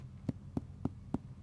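Four short, flat percussion taps on the abdomen, giving a dull rather than resonant note.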